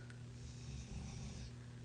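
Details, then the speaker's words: A low, steady rumbling snore from a pet dog napping on a rainy day, faint against quiet room noise; ordinary snoring. "Everybody, if you can hear Dixie over here snoring."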